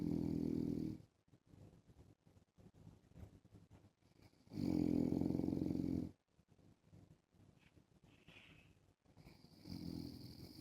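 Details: Adult man (husband) snoring while wearing a mask: loud, rough snores recurring, with quiet breathing and soft clicking between them.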